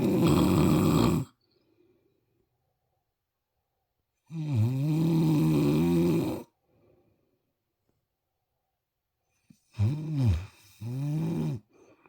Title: mama snoring.